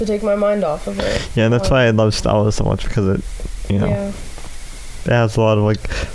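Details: Adult male with cerebral palsy affecting the right side of his body, which he says causes his speech impediment; dysarthria (cerebral palsy).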